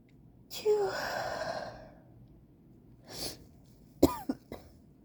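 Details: Person who says they feel very sick has an allergy sneeze attack: a loud sneeze with a drawn-in breath, then a smaller burst and short, sharp sneezes in a quick run.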